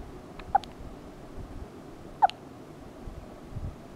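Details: Loud hiccups: two short, sharp hiccups about 1.7 seconds apart over quiet room noise.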